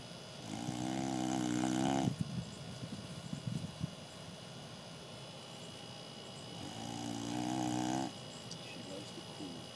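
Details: Boxer dog snoozing on a deck: two long, loud, buzzing, rumbling snores about six seconds apart over steady room hum.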